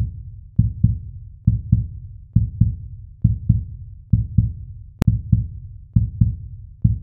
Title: Heartbeat sound - No Ads - ASMR